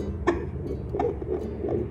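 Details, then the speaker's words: Maternal heartbeat on a home fetal Doppler placed on the pregnant woman's own chest: three swishing pulses about 0.7 seconds apart, roughly 85 beats a minute; maternal heartbeat on Doppler. "e aí você ouve o batimento vou colocar no meu coração para vocês ouvirem aqui"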